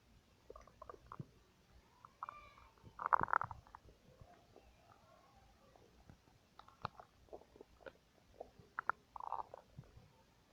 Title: Stomach noises 1